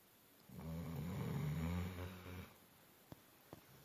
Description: Our dog Sampson was worn out and he was laying on the bed snoring like an old man!